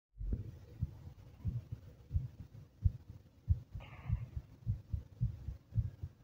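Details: Rapid heartbeat felt as "weird" after drinking two energy drinks: strong, regular low thumps at about 95 beats a minute, fast but steady.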